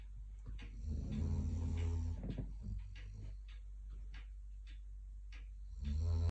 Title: Snoring content rescue dogs!